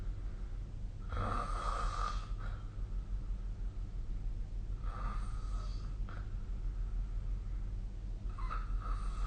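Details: Snoring sound recorded during sleep.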